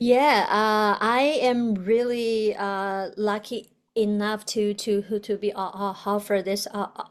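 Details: Adult woman, a doctoral student in communication sciences and disorders, who stutters; stuttering.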